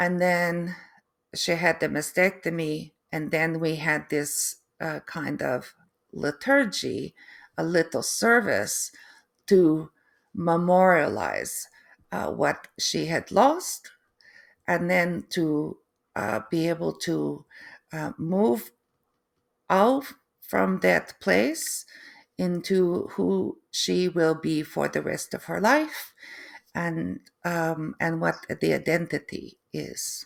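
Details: Adult woman, third-generation Canadian, after a stroke: aphasia with difficulty putting sentences together and inability to write, apraxia of speech, and foreign accent syndrome beginning 3 months post-stroke; she feels she now sounds East European.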